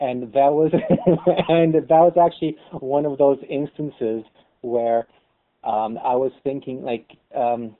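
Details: Lifelong stuttering in an adult, real, conversational speech in a webcam chat among stutterers; stuttering.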